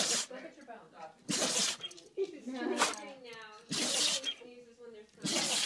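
Repeated short, hissing bursts of air come out through the nose, mixed with some whining and a person's voice in the background: a dog sneezing.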